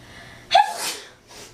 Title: Big sneeze compilation